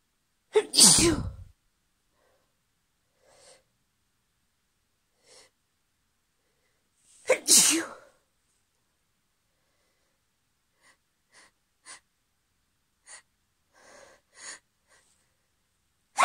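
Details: Female with hay fever, sneezes partly induced: two loud explosive sneezes with faint sniffs and small sounds between them.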